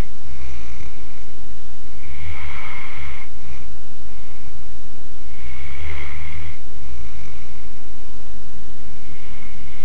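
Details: Dog named Maya snoring while sleeping.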